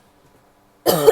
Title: coughing (f)